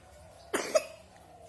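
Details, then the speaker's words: One short two-part cough burst from a young girl who is sick with a cough and taking medicine, against quiet room noise. "lagi sakit batuk."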